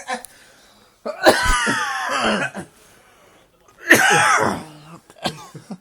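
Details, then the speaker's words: Adult man with a fit of hiccups that sound like retching, saying he is choking and mentioning beer and his throat: two long, harsh, strained coughing or retching bouts with throaty noise between them. "Oh, fucking hell. Look at me choking. I don't think I scoop a beer, so fucking. I'm fucking choked."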